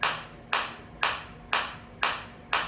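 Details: Sharp, evenly spaced cracking snaps, about two a second, from a focused (not radial) shockwave applicator fired against the operator's own hand, depth adjustable over five levels; shockwave device firing.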